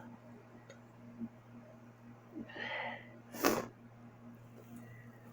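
A quick inward breath, then one sharp explosive sneeze in a quiet room.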